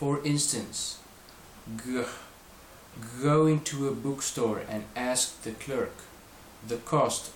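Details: Adult male reading aloud; stuttering (voluntary stuttering practice).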